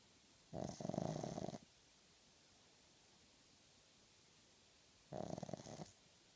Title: Snoring nugget